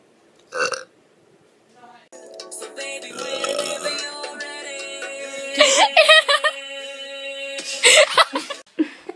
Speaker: omg a girl just burped it's true we do it when you're not looking